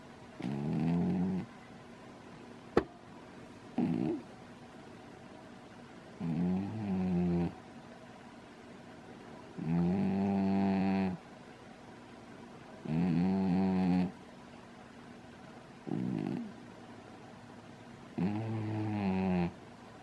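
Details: Pet lying upside down in a crystal bowl, snoring loudly: regular low, buzzing snores about 19 a minute with quiet gaps between; snoring.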